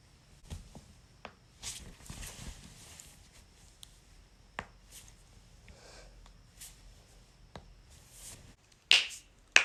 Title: back/knuckles/toes cracking compilation